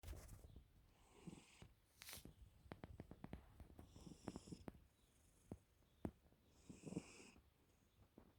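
Irregular rough breathing noises with clicks and rattly bursts during sleep, consistent with snoring. No clear musical wheeze.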